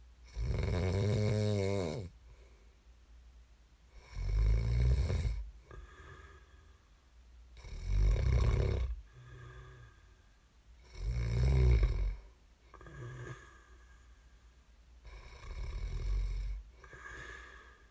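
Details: ASMR snoring recording made for listening to fall asleep: loud, low rattling snores on each breath in, roughly every 3.5 to 4 seconds, about 16 a minute, with softer sounds between; ordinary snoring.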